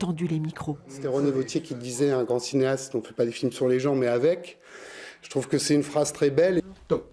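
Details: Adult man speaking French; ordinary speech.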